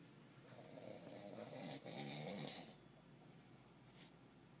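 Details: A person snoring: a single rough, rattling snore of about two seconds in a quiet room, followed by quiet breathing.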